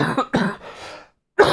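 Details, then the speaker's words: Cough in an adult man who is still somewhat sick but recovering, recorded during a live stream, followed by throat clearing. "as you can hear. Still still kind of sick. Um, but feeling much much better. Probably sound better, too. But the cough, man."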